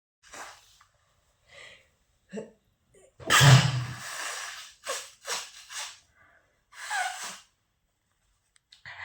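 Quiet breaths, then one loud forceful sneeze with a rushing exhale, followed by sniffs and short breaths; an ordinary adult sneeze.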